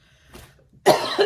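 A single loud, harsh cough burst after a quiet start, from an adult with congestion.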